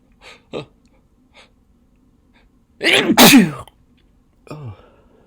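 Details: Person's deliberately induced sneezes, recorded on their birthday: sharp intakes, then a loud double sneeze and a final voiced exhalation; repeated sneezing.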